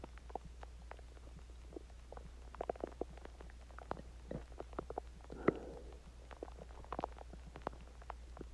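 Soft gurgles and short squeaky bubbling sounds over steady low hum; stomach growling after a meal and water, a normal bowel sound.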